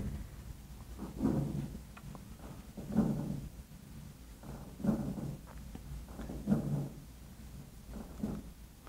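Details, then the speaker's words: Stethoscope recording of lung crackles, played as the sound of sick lungs in contrast to healthy breathing: five breath cycles with brief popping clicks layered on the breathing. "this is a interesting fluid mechanical phenomena that happens in your lung when you're sick because you're breathing"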